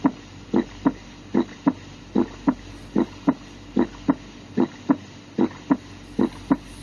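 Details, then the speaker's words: Normal second heart sound (S2), auscultated with the stethoscope diaphragm at the aortic/pulmonic area, where S2 is loudest; regular lub-dub at about 74 beats a minute with a crisp second sound. "Auskultasi bunyi jantung 2 atau S2 akan lebih terdengar pada area aorta dan pulmonal."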